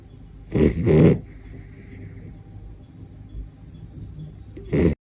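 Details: Loud, rough snorting snores from a sleeping dachshund: two loud snorting breaths, then quiet breathing and another loud snore at the end.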